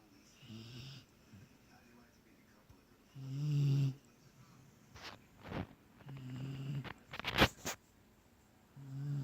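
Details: Irregular low rumbling snores mixed with snorts and sharp knocks over faint room noise; snoring.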